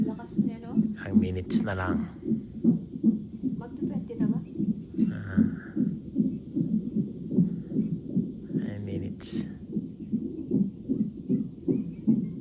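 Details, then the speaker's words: Fetal monitor in a hospital before the mother's planned surgical (cesarean) delivery: rapid, regular whooshing beats at about 150 per minute, with brief background voices; fetal heart rate in the normal range. "sabi ni bas ng heart bit ni bb ch ch ch ch ch ch"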